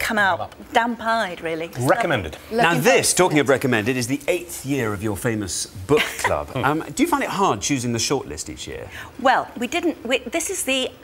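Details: Adult speakers in a television interview; Fluent conversational speech.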